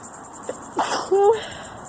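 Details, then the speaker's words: Allergy-season sneezing fit outdoors: a single abrupt sneeze with a short voiced tail over steady insect chirping, repeated and messy per the person; sneezing. "Can't stop sneezing."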